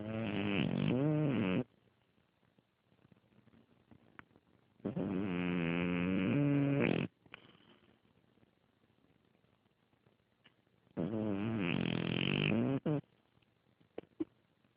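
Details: Three loud, rough, buzzing snores, each a couple of seconds long, with quiet pauses between; plain snoring during sleep.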